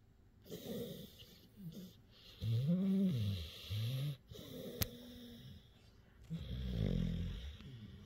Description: My pup CopperTop is just getting some much needed rest. Yes this is his normal snoring...lol.